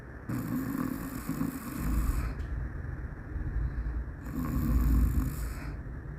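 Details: Sleeping Shih Tzu dog snoring: two long, rough, rattling snores a few seconds apart with low rumbling breathing between them.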